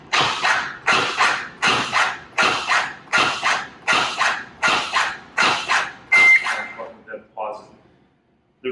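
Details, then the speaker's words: Zoll AutoPulse mechanical CPR device demonstration: rhythmic whirring compression strokes at about 80 a minute, then stopping after a tone when the orange pause button is pressed for a pulse or rhythm check; compressions and pause. "the orange button on the device this is our pause button so as you're preparing for a pulse check rhythm check you can simply push the orange button to pause it"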